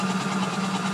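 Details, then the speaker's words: Comfort Cough SICC2001 (Seoil Pacific) mechanical insufflator-exsufflator cough assist device in percussion mode, with frequency set and reaching pressure 36, running through a circuit and mask: a steady, loud buzzing hum with fast flutter. "здесь мы можем настроить только давления вдоха либо чистоту частоту максим это 600 до 550 он будет работать таким образом заданной частотой достигая давления 36"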